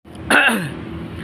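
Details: Single short, rough throat-clearing cough from an adult before singing, with quiet room noise; throat clearing cough.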